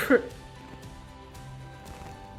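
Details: One short, forceful voluntary cough after five deep breaths and huffs in an active cycle of breathing exercise to clear loosened phlegm, then steady background music.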